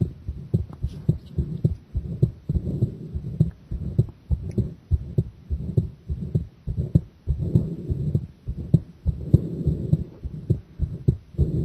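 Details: Muffled regular heartbeats with low rumbling, about 100 per minute, recorded during a straining pressure breath-hold; heart sounds during straining breath-hold.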